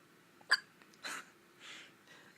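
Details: Hiccups in a little boy: a single sudden, short catching gulp followed by soft breathy sounds in a quiet room.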